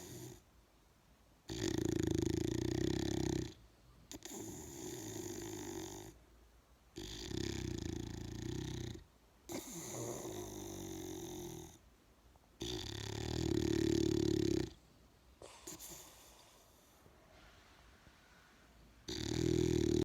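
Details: Snoring from a big bull: loud rough snoring, about eight long breath cycles separated by quiet pauses, roughly 24 breaths a minute.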